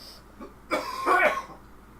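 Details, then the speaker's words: Cough done on request during a live stream: two harsh, strained cough bursts in quick succession with a choking, struggling quality. "Just cough, please. Would you do that struggling thing? It sounds like you're choking to death and dying."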